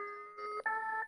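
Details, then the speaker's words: Manual defibrillator in manual defibrillation mode, charged to 150 J during a training demonstration: steady electronic tones signal that the charge is complete and the device is now dangerous, before the shock is delivered. "ж таки чуємо звуковий сигнал який вказує на те що зараз цей пристрій є небезпечним"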